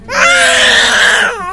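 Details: Baby crying while getting an injection: a single loud, sustained, high, tense infant wail, typical of crying in pain.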